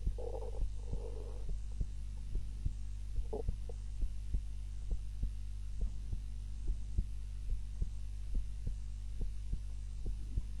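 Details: Heart sounds recorded by timer during a daytime nap, lying on the back rather than the usual face-down: steady soft low thumps about 71 a minute over a constant low hum; normal heart sounds.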